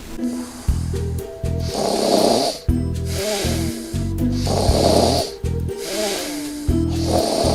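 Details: Snoring, presented in a promotion for an anti-snoring patch device.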